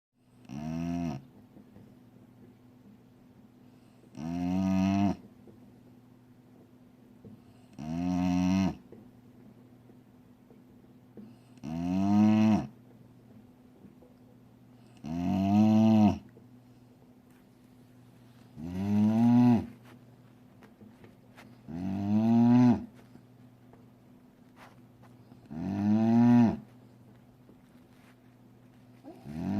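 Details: Snoring: a sleeping dog's loud, tonal snores about 17 times a minute, each a drawn-out, cow-like moo.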